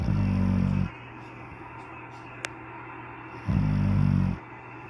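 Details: Pit bull sleeping on a couch: two low, rumbling snores about three and a half seconds apart, with quiet breathing and faint room noise between.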